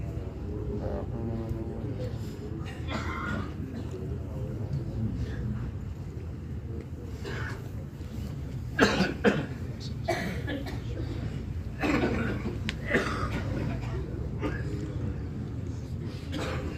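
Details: Scattered short coughs from several adults, with a few louder coughs partway through, heard among a pilgrim crowd during Hajj 2023 over steady crowd and traffic noise.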